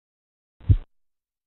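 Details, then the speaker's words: Korotkoff sounds during blood pressure cuff deflation, two soft low thumping taps about 70 a minute in quiet background; teaching recording with aneroid and mercury manometers, phases tapping, swishing, knocking, muffling. "Escuche y familiarícese con los sonidos de Korotkov Tapping(golpeteo) Swishing(blandir) Knocking(golpes) Muffling(amortiguar)"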